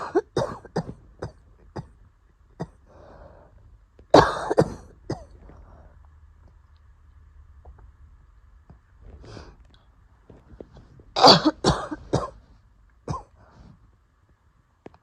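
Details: Adult woman's harsh cough bursts and throat clearing with noisy wheezy breaths between, during an asthma attack triggered after going outside early in the morning; asthma attack cough.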